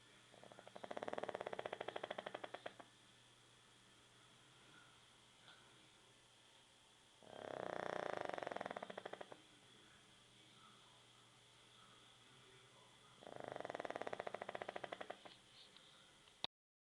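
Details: Three rasping, buzzy snores about six seconds apart, roughly ten breaths a minute, with quiet pauses between; snoring during sleep.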